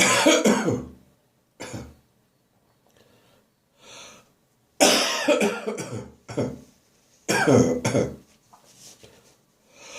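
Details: Morning bathroom coughing session after bronchitis, clearing remaining phlegm: bursts of harsh, dry coughing with throat clearing and retching-like gagging between brief pauses; dry lingering post-bronchitis cough with gagging.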